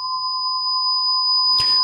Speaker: là ça y est on a créé notre acouphènes maintenant ce dont on a besoin c'est d'un environnement dans lequel le personnage va pouvoir prendre place